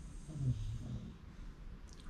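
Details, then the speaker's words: Loud snoring from a sleeping bulldog. "He's really snoring loud can you guys hear that?"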